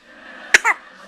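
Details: Baby with possibly a little talc up her nose: a single sharp, small sneeze followed right away by a brief high-pitched voiced squeak, which she makes whenever she sneezes; infant sneeze.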